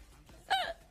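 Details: Single short voiced hiccup with a sudden catch of breath, during a long bout of hiccups lasting about 15 minutes; hiccup.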